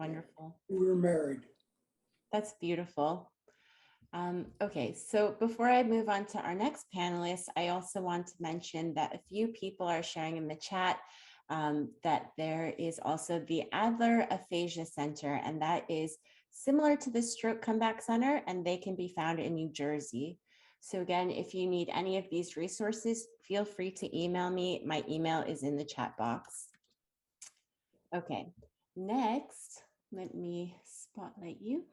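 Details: Adult woman speaking; normal speech.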